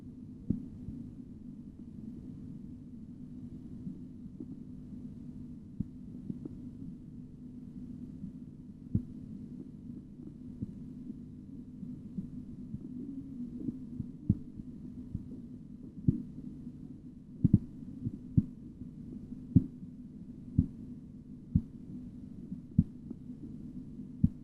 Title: BP Measurement Auscultatory Tutorial 25